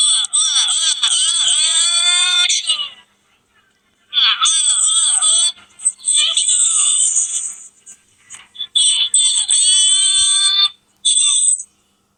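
Loud, high-pitched wailing cries in several long bursts with brief pauses between them; an infant crying.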